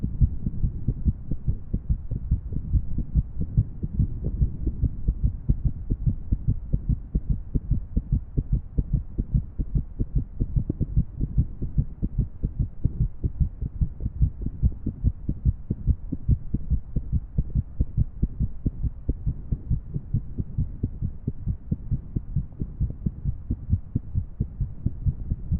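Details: Female irregular heartbeat, paired with a 3D heart model: dense, low heart thumps with uneven spacing between beats.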